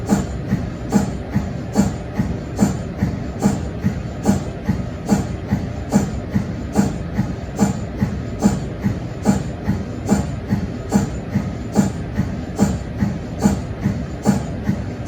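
Steady rhythmic mechanical thumping, about 72 pulses a minute, from an MRI scanner's cold head; a normal operating sound.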